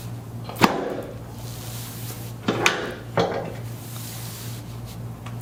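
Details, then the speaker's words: Large adult man with cerebral palsy and constant stiffness, during chiropractic adjustment: sharp cracking pops from the tailbone over a low room hum; joint cavitation. "all right I didn't know your tailbone would crack like that all right oh that was a good one too"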